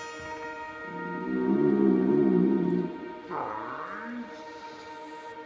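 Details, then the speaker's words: Guest who complains of constant stomach rumbling at inopportune moments: low, wavering gurgles and a sliding growl over soft music; borborygmi from gas moving through the bowel. "мучает урчание в животе постоянно и причём в самый неподходящий момент."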